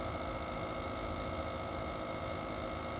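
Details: Nebulizer treatment: steady loud mechanical hum and hiss of a running nebulizer compressor, with no breathing or speech audible over it; nebulizer running.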